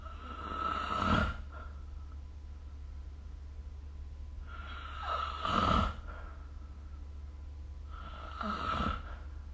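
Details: Snoring during sleep, recorded with the SnoreLab phone app: three rattling snores with a whistling edge, roughly 13 a minute, over steady low room hum.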